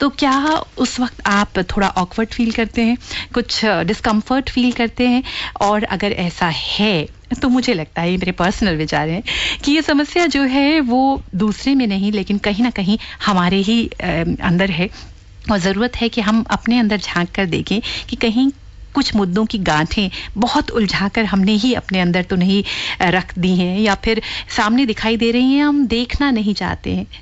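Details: Adult woman speaking Hindi; typical speech.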